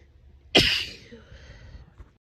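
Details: A single forceful, hissing sneeze with a trailing breathy release from a female with an itchy nose during grass pollen and ragweed season; allergic sneezing.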